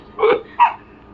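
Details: Infant hiccups: two brief, abrupt voiced bursts about half a second apart.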